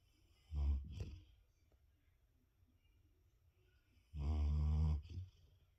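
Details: Boogie asleep: two deep, rattling snores about three and a half seconds apart, separated by quiet, with a soft snort after each; snoring.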